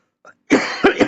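A soft intake of breath, then a short run of three harsh coughs from an adult, the first longest; an isolated, ordinary cough.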